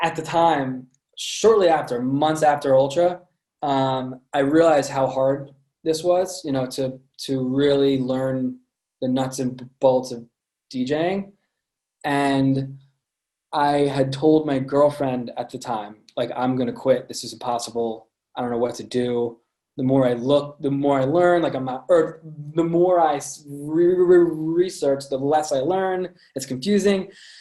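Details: Adult man with a lifelong stutter present since birth, with repetitions in this stretch; stuttering.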